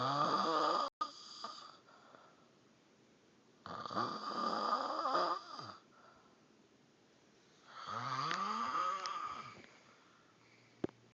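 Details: Snoring: loud, rough, fluttering snores on each in-breath, about 16 breaths a minute, with quiet pauses between.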